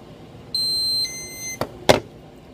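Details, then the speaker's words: High electronic alarm tones with handling knocks from an enteral feeding pump during preventive maintenance testing, run after fluid was primed out of the line; no-food alarm. "and then you just want to hit run again and there's your no food"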